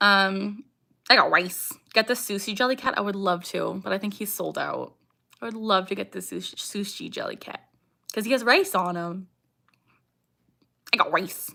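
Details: Young woman with Tourette syndrome, vocal tics saying "I got rice", "ha" and barking; tics increase with anxiety or excitement and during livestreams; vocal tics.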